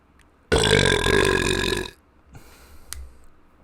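One loud, long, rumbling voiced burp lasting about one and a half seconds in a small room; an ordinary belch.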